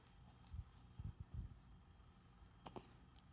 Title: Baby hiccups